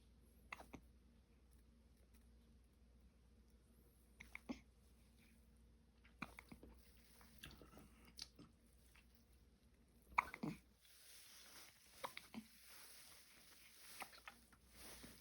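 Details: Hiccups in a 19-day-old newborn baby: soft, brief catches recurring about every two seconds, roughly 30 a minute, against quiet room noise.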